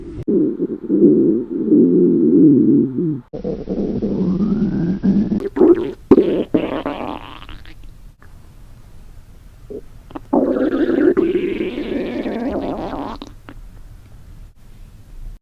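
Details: Woman doing yoga while hungry: long, loud gurgling and rumbling bowel sounds with squeaky rising tones; hunger stomach growling (borborygmi).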